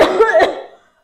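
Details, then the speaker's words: Acted cough in a commercial skit: two or three quick, harsh cough bursts from an adult woman with a cough lasting 3 days, fading within a second; plain cough. "lagagi batuk-batuk Bu Iya nih udah 3 hari Enggak sembuh-sembuh ini Bu"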